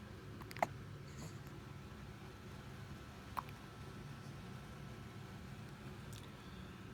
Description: Adorable baby hiccups...again... =)